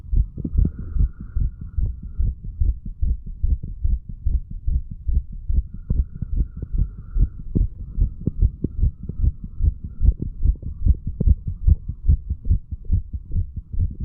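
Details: 35-year-old male, under the influence of alcohol, heartbeat recorded a couple of hours after going to bed, from mitral to tricuspid area; steady, regular paired thumps with a faint hum.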